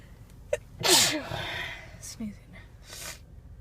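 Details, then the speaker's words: Female sneezing while driving around looking for a parking spot: a sharp inhaled catch, then a forceful explosive sneeze and a softer follow-up burst; sneezing fit. "Driving around looking for a parking spot. And started sneezing."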